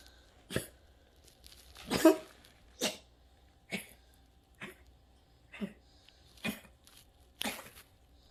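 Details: Coughing from someone lying on his back, who is told not to lie on his back.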